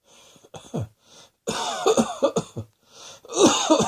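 A quick run of about six to eight harsh coughs with throat clearing between them, acted rather than from illness.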